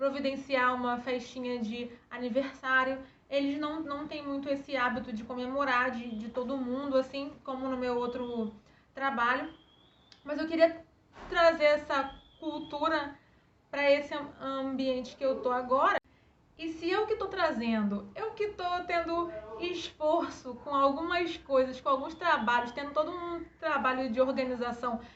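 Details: Adult woman with stuttering who has had speech therapy; she says she stutters less while recording after doing relaxation exercises; stuttering.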